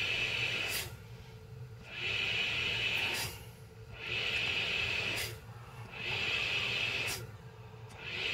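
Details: Rhythmic airflow hiss rising and falling with breaths, about 29 cycles a minute, with a low motor hum; a CPAP sleep machine running from an AC outlet on a portable power bank during a power test.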